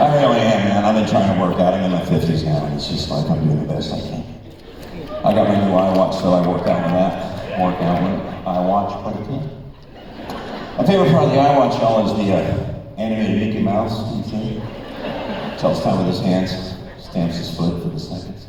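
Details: Male speaker with spasmodic dysphonia, an incurable vocal disorder he developed at the height of his career; vocal coaches and doctors did not help, and it progressively worsened until his voice was gone; he says it is audible now; spasmodic dysphonia.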